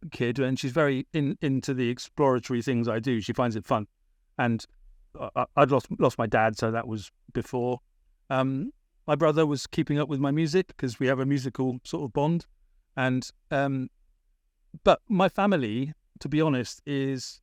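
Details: Adult British man with a persistent stammer, a big issue around age 28-29, treated with speech therapy in Britain; word repetitions: stammering.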